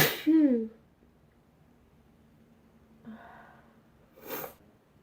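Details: Two sneezes, a loud voiced 'achoo' at the start and a softer sneeze near the end with a faint breath between, part of a long run of repeated sneezing.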